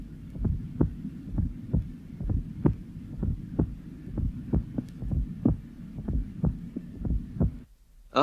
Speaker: here is an example in a 40-year-old man with systemic hypertension the low pitched atrial sound is heard shortly before the first sound and the Cadence is that of a Gallop rhythm